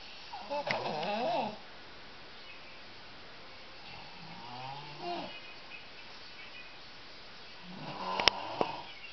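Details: Adult woman (mother) caught asleep: two loud rattling snores about seven seconds apart with a softer breath between them; ordinary snoring during sleep.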